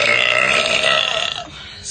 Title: Random Girls Burping compilation